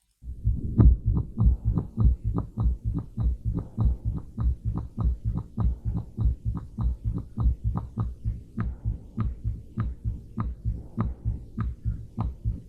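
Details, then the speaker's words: Ventricular septal defect murmur: regular heartbeat about 100 a minute with a harsh whooshing murmur through each beat. "cardiac catheterization is rarely necessary for this diagnosis and i wanted to show you how it sounds like in ventricles after the effect so please listen"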